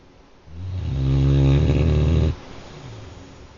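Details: A single loud, low, rattling snore lasting about two seconds; snoring.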